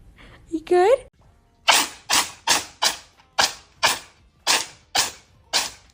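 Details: An animal (possibly named Riley) gives a brief vocal squeak, then a rapid run of about nine sharp, explosive nasal bursts: a series of sneezes.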